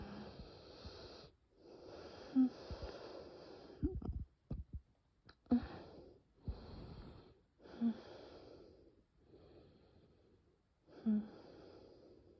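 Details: Severe nocturnal asthma attack with bronchospasm and no coughing: long, noisy whistling breaths with short gasps; wheezing.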